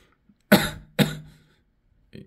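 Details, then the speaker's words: Two harsh, throaty coughs in quick succession, then a faint breath, from an adult with a lung cough attributed to inhaling a bad methane-like gas, who also reports a hoarse voice. "기침이 나오고 목도 목 목소리도 박히고 이렇게 나와요 신기합니다"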